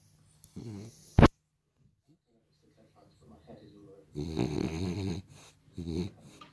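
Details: French bulldog asleep on owner's lap, dreaming with eyes open: rough, throaty snoring breaths mixed with soft whimpers and muffled sleep noises, one sharp knock in the room; snoring.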